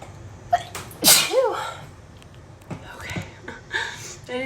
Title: Sneezing fit | My allergies have been really bad this summer